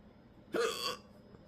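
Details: Single abrupt, voiced gulping catch in the throat under half a second; person is sunburnt after rafting: a hiccup.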